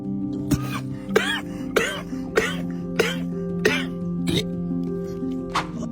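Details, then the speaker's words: A baboon gives a run of short, sharp coughs over steady background music. "Beginilah penampakan ketika babun batuk."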